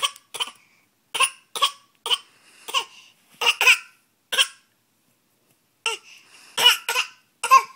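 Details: A young child gives a series of short, light, deliberate fake coughs with brief pauses between them; voluntary cough.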